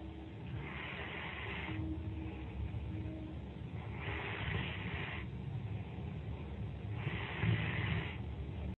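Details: Friend asleep during a Skype call: three rough, hissing snoring breaths about every three seconds, roughly 19 a minute, over a steady low hum; snoring.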